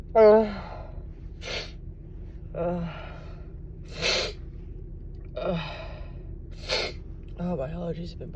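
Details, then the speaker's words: Three allergy sneezes from an adult woman with a tickling nose, each preceded by a voiced gasping in-breath, in an unedited recording; sneezing. "I think I have to sneeze again. God, it tickles."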